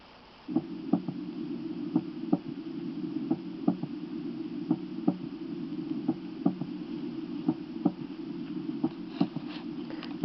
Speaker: a more narrowly split first heart sound is now Illustrated the recording is that of a 22 year old man taken at the Apex during expiration a loud physiological third heart sound is audible after the second sound